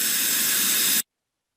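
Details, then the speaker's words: Steady loud hiss of an ultrasonic scaler with high-volume suction, stopping abruptly after about one second; lip stays dry, switching to low-volume suction for saliva and water. "the hde is capturing all the aerosols you can see that there's no splatter on the mirror also look at the patient's flip the lip still remains dry when needed i'll switch to low volume for the saliva and water pooling"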